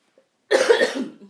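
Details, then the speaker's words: One loud, harsh cough burst that trails off from a woman with a cough and recurring coughing fits, just after taking a quick drink because she feels a cough coming. "quick drink because I have like I feel myself about to cough again"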